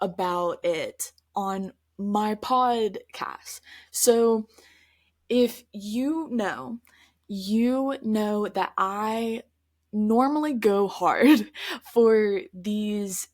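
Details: Adult woman who stutters, speaking conversationally on her stuttering podcast; stuttering.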